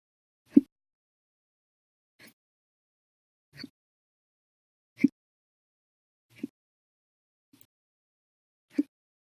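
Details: Repeated hiccups, brief abrupt low catches every one to two seconds, some stronger, against near silence; episode lasted over 14 hours after meals and a cup of soda.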